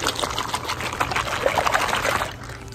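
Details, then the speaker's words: Person with IBD showing body-worn bag full of clear body fluid, ongoing since 2017: watery sloshing and gurgling as the bag is squeezed and shaken, like a bag full of water. "see it kind of sounds like i'm shaking up a bag full of water because that's literally what it sounds and feels like it's a hundred percent clear fluid"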